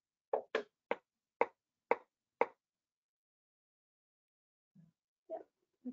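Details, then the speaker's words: Repetitive nerve stimulation of a facial muscle after exercise, where the patient scrunches the face. Six sharp, evenly spaced stimulator clicks at about two per second are heard; a noted pitfall is movement if the patient contracts during shocks. "so it's it is a bit more uncomfortable um for patients and uh i think there are a couple pitfalls with respect to the facial one again is you can't stabilize the muscle so there could be movement especially if the patient contracts during the shocks"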